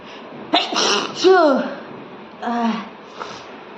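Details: Adult woman inducing sneezes with paper in a sneezing challenge: a sharp voiced sneeze with a falling cry, then a second softer sneeze, in a quiet room; ordinary sneezing.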